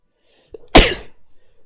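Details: A single loud, explosive sneeze with a short intake of breath before it and a quiet exhale after, from a sneezing compilation; sneeze.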